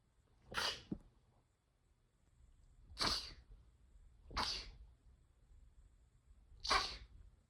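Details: Four separate sharp, hissing sneeze bursts in a quiet room; sneezes.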